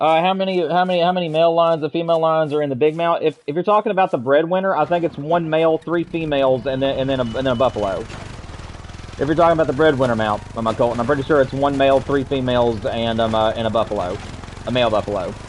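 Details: Adult man who stutters, getting stuck in sentences; he attributes it to wanting to talk faster than he thinks and says it worsens with little sleep, as the night before; stuttering.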